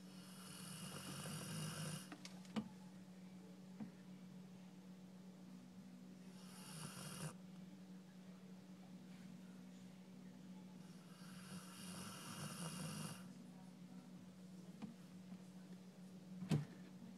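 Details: 12-year-old Golden Retriever snoring loudly while asleep: three long, noisy snoring breaths in about 17 seconds, with a steady low hum underneath; ordinary snoring.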